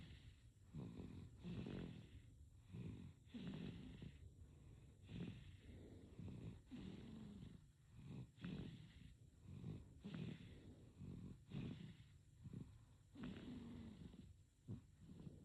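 Quick, regular, rattly snoring on each breath, at a fast infant breathing pace: noisy breathing in a sleeping baby.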